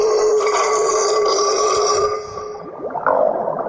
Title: #dragon #dinosaur ME BURPS LIKE ONE DRAGON OR DINOSAUR